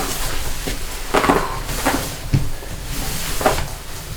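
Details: Several sharp pops and cracks over a few seconds with room noise, from joints cracked during manual adjustment; joint cavitation.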